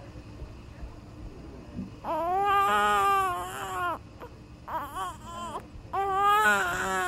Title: Newborn Cries